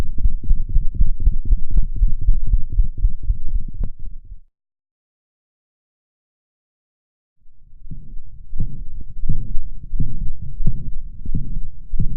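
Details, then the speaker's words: Dog with mitral valve regurgitation: hyperdynamic heart with a loud slamming S1 and a holosystolic murmur filling systole; holosystolic murmur of mitral regurgitation. "in mitral valve regurgitation the heart ejects more blood volume than normal and is hyper dynamic"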